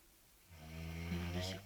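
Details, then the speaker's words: Girl or young woman snoring in sleep, described as severe and filmed unedited as real: one rising, low, buzzing snore over about a second after quiet; loud snoring. "При просмотре этого видео все будут думать, что мы издеваемся на девочку, которая просто спит, подобрав какой-то храб безумный. Но это не так. Это стопроцентная правда."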